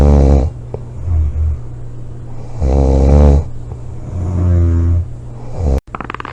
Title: snoring, loud snoring,코골이 July 25 2017